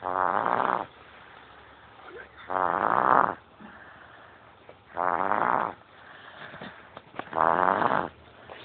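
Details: Sleeping person called "bbe" snoring: four regular, buzzing snores about every two and a half seconds, roughly 25 breaths a minute, with quiet gaps between.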